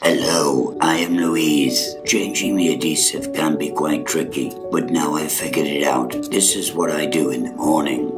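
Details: Adult man with a laryngectomy and neck stoma who uses a stoma adhesive; tracheoesophageal (alaryngeal) speech after laryngectomy.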